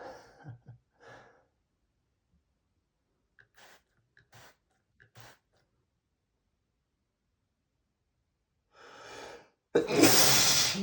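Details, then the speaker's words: Male, self-described as allergic to perfume, sneezing after spraying perfume under his nose: sniffs and a catching breath, then a loud explosive sneeze. "Sometimes I get tired of sneezing so much. I guess I should try to avoid spraying perfume right under my nose."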